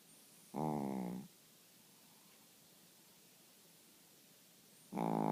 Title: Fat snoring bear